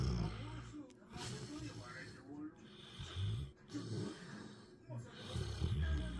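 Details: Sleeping female puppy snoring: irregular low snuffling snores, faint background music.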